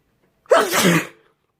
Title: More sneezing